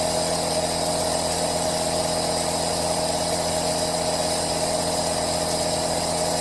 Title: ASMR Aerosol Sound White Noise - RELAX NOW - Aerosol Nebulizer Sound